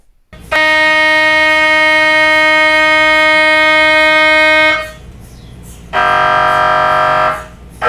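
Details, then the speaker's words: Loud, sustained electronic buzzing tones in long blocks with pauses and changing pitch, recorded during a first MRI scan before a multiple sclerosis diagnosis; each scan sequence makes different noises, following an initial warm-up noise. MRI scanner noise. "so there are different noises during each scan and the noise that you heard in the beginning was just um warming up but these are some of the other scan noises that you'll hear during having an MRI scan"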